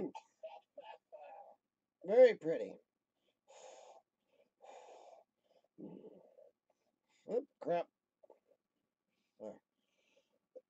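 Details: Short rattly cough bursts, throat clearing and loud voiced coughs: wet productive cough during lower lobe chest therapy for cystic fibrosis.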